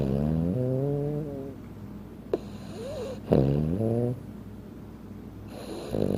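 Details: Small 15-pound Frenchton dog sleeping: loud, buzzing, slightly musical snores with rising and falling pitch and a faint whistle between breaths; snoring.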